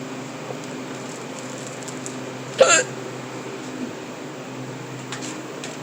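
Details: Adult with persistent hiccups that began while stocking a cooler at work: a single abrupt, sharp gulping hiccup against steady room noise.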